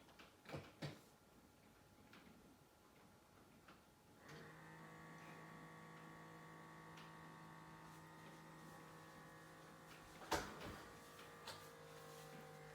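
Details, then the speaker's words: Automatic blood pressure monitor on the upper arm of a seated adult who has rested 15 minutes: a few clicks, then a steady small-pump hum as the cuff inflates, with a click near the end. "so if you just like to relax and sit still or press start the cuff will begin to tighten and this should take less than a minute"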